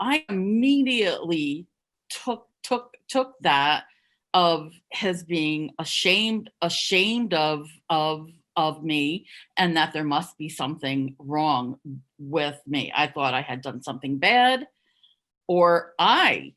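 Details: Adult who stuttered covertly for over 30 years, hiding her stuttering; repetitions of words and syllables heard; stuttering.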